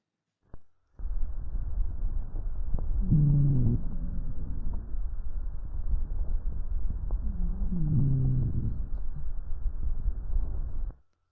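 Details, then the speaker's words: Teaching example of chest sounds: low, coarse rumbling snoring noises heard clearly on expiration, from movement of airway secretions; rhonchi. "escuchen bien cuando expira el paciente vieron está bien clarito el ron cosa"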